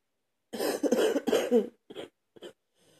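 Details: Adult man coughing while cleaning his truck, cough described as not getting any better: a run of harsh coughs followed by shorter, weaker coughs; persistent cough.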